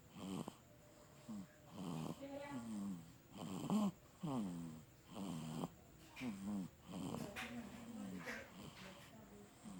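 Repeated rough, fluttering breathing noises during sleep, about a second long each; snoring in an infant.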